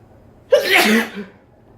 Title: Sneezing while sitting on the couch